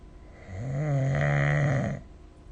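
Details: One loud, buzzing, rumbling snore lasting about a second and a half, recorded with a smartphone snore-recording app during sleep; typical snoring.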